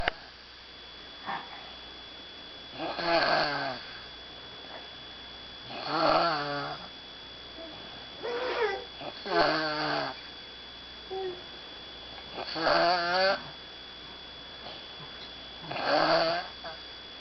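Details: Repeated fluttering, slightly whistling snores about three seconds apart, around 18 a minute, with faint clicks between breaths, from a person who struggles like this all night trying to sleep.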